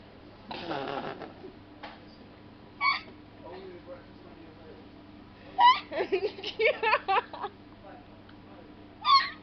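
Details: Hiccups in a very drunk adult on a night out: short, abrupt voiced catches recurring irregularly between quiet stretches, with faint room hum.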